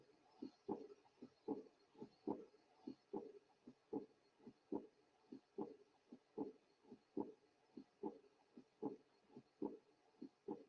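Regular heart sounds at roughly 73 beats a minute, each second sound followed by a soft, fading blowing murmur in early diastole. This early diastolic decrescendo murmur is typical of mild aortic regurgitation, where blood leaks back through the aortic valve after each beat.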